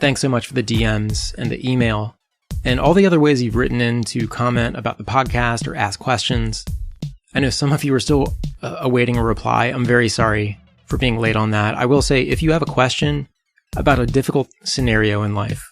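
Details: Adult podcast host; ordinary speech.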